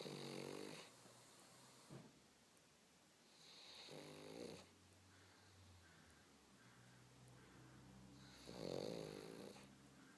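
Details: Pug snoring: loud rattling snores on the breaths, with quieter wheezy noise between them.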